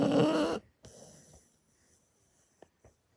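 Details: Pocket American Bully puppy snoring: one loud, rough snoring breath, then quiet breathing and faint rustling.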